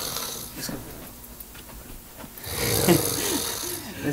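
Rough, rattling breathing noises with a louder harsh, snorting stretch; snoring, with some background noise.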